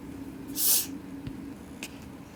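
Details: Person with a sneezy nose in winter: a single sharp, hissing burst of air through nose and mouth, followed by faint sniffs; sneeze.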